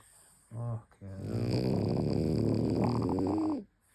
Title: Snoring, sleep with eyes open, twitchy dream face the lot! 😂You gotta love a sleeping frenchy 🐾